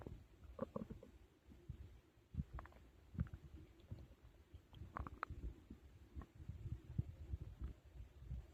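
Low, irregular gurgling and rumbling with scattered bubbly pops over quiet background; active bowel sounds, ordinary stomach growling after eating.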